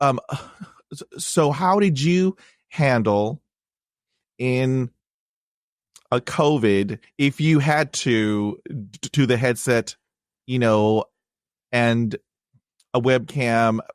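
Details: Man who has stuttered since childhood, with blocks and repetitions, speaking on a podcast; had speech therapy in 1975; long-standing avoidance of reading aloud and presentations; stuttering.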